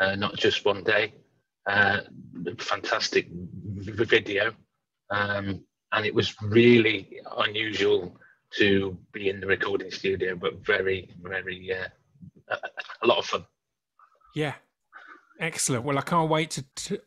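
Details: Adult man, an engineering manager who stammers; stammering.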